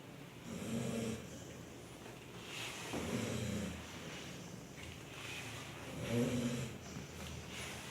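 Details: Snoring during sleep: slow rhythmic rasping breaths, about three in eight seconds, with a low fluttering on inhalation.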